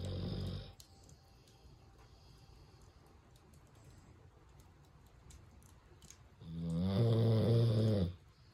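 A loud, low rattling snore at the start and again near the end, with quiet breathing between. Snoring from a sleeping large dog.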